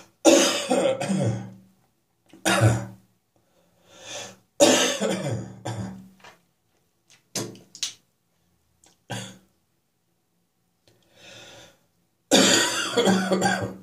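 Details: Persistent morning cough that is still lingering: repeated rough, hacking coughs and throat clearing in bouts with pauses between.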